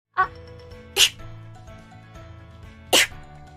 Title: Sneeze